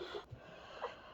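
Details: Sick hen being treated with metronidazole, fell with beak open: a brief snorting wheeze with a faint whistling tone, wheezing and hissing with labored, obstructed breathing.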